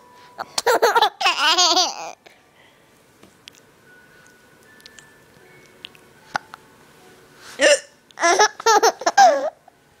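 Sudden voiced gulping catches mixed with laughter from two people, then quiet and another cluster of catches. Hiccups.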